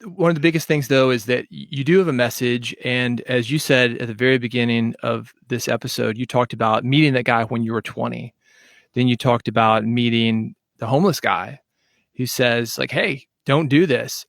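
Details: Adult man speaking; ordinary speech.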